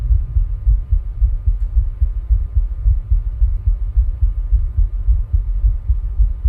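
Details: Own heart sounds recorded while rebreathing into a plastic bag, with ECG: regular low thumps at roughly 109 a minute, a fast rate, faint steady hum behind.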